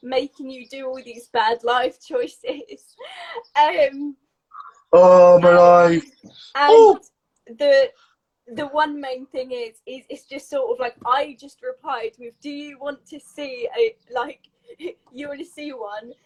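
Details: Adult woman with a stammer since age three, described as a neurological speech impediment, with blocks and repetitions; stuttering.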